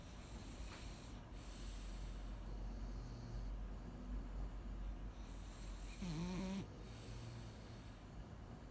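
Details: Sleeping dogs snoring in a duet: low rumbling snores with snorting catches, partly overlapping, over steady room noise.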